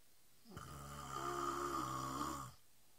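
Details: Sister asleep, one steady buzzing snore about two seconds long on the in-breath in a quiet room; snoring.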